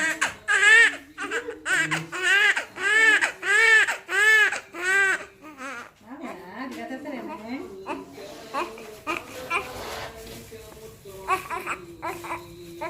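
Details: Fairly large newborn just after a vaginal birth without tearing: loud, repeated rhythmic wails, then fading whimpers with room noise. Normal vigorous newborn cry.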